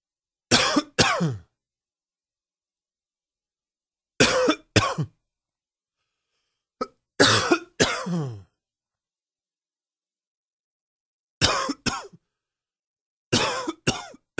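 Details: Adult smoker's morning cough: five short bouts of deep, rough double coughs with a throaty tail.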